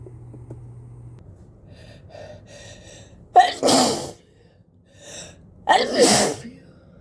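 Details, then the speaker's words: Person with a cold sneezing repeatedly into a face mask, unable to stop: two forceful sneezes, each preceded by a short indrawn gasp, with soft voiced breaths between. "Oh, I can feel more coming. Phew. I just can't stop sneezing."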